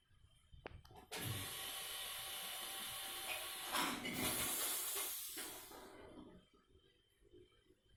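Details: Simulated nursing skills lab procedure of nasal suctioning of mucus from an adult male patient: steady loud hissing of the suction machine for several seconds, then it stops; suction machine in use.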